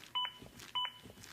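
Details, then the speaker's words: Sharp electronic beeps about 0.6 seconds apart from a ZOLL AED Plus with Real CPR Help, acting as an adaptive metronome that pushes chest compressions to at least 100 per minute during CPR, with a "push harder" prompt. "The beeps act as an adaptive metronome that monitors my compressions and tries to speed them up to at least 100 per minute."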